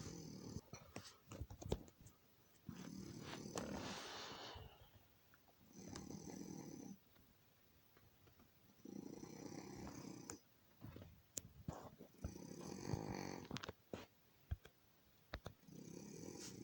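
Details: A female pet cat snoring: soft, rumbling snores at about 14 breaths a minute, with faint clicks and room noise between them; ordinary harmless snoring.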